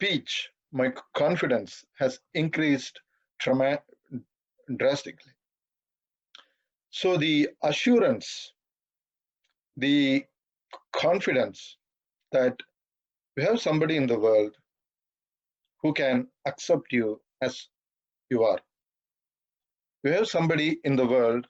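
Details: 42-year-old man who has stammered all his life, through school, college and work, stammering occasionally while speaking; stuttering.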